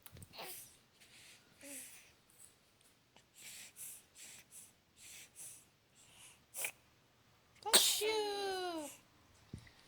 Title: baby sneezes